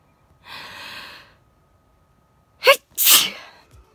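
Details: A long hissing inward breath, a brief catch, then a loud explosive sneeze from an adult. Recorded at night during a heatwave, around 33 °C. An ordinary sneeze.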